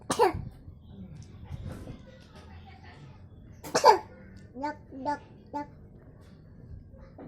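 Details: Young child with a cough: two sharp coughs a few seconds apart with brief child speech between; cough.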